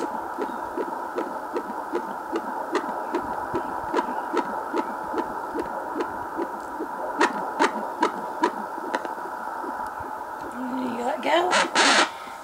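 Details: Fetal heart tones on a BabyBeat handheld fetal Doppler with a 3 MHz probe, with the fetus moving around: rapid, regular whooshing pulses, about 150 beats a minute.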